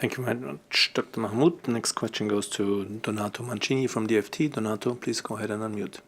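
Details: Adult male speaker; normal speech.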